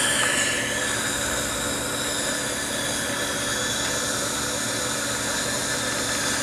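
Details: Dental cleaning instrument running continuously during a school dental clinic teeth cleaning on a schoolchild in Switzerland: steady high-pitched whirring and hissing with a low background hum.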